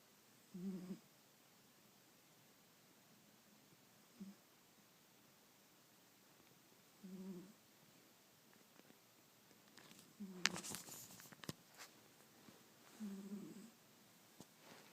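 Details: A sleeping cat gives soft, short snoring breaths every few seconds, with a brief rustle partway through, in a quiet room.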